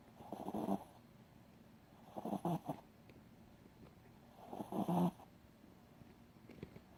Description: Shitzu maxy sleeping and he is in deep sleep snoring loud cute